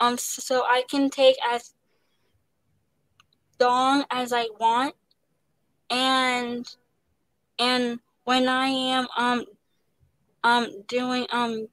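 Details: Young woman actress who stutters, describing pauses, switching words and restarting, and receiving speech therapy; stuttering.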